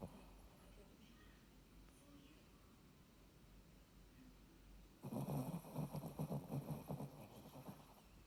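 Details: Faint room noise, then rapid, fluttering, low snoring pulses with each breath from a sleeping Shih Tzu lying with its eyes open; snoring in a small dog.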